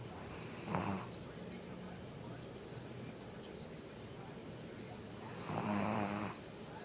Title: Gizmo snoring